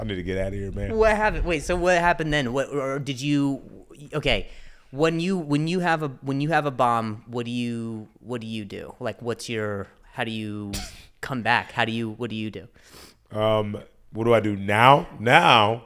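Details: Adult man who stutters and mentions an injury; word repetitions; stuttering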